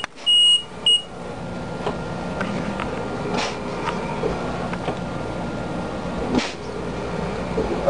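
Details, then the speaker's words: LP10 ventilator in-service demonstration after low pressure disconnection alarm, connection restored; two short high-pitched electronic beeps then steady machine hum: ventilator latch alarm. "let say low pressure alarm once it's restored okay this alarm you have a latch alarm so you have to reset"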